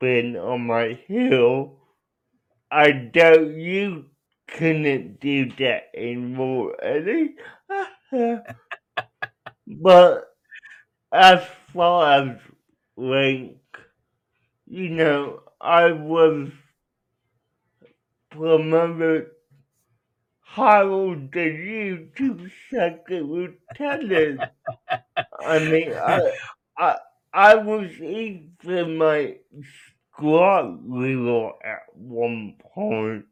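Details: Adult man with cerebral palsy; dysarthria.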